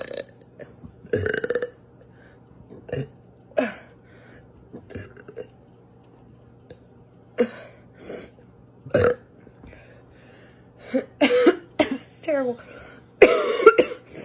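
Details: Girl trying to get a burp out, considering standing up: a series of short bursts and gulping sounds with several small burps and belch attempts over quiet room noise.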